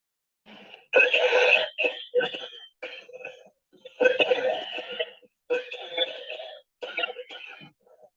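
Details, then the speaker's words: Wet, productive cough: a series of about five loose, rattly coughs with a throat-clearing quality. "ahora vamos a proseguir con una todo ronca de un niño y por último vamos a tener una tos húmeda"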